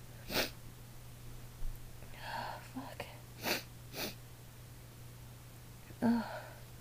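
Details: Adult female, one of a recorded run of 22 sneezes, throat raw the next day: several sharp sneezes, some with a breathy build-up before the burst, in a quiet room.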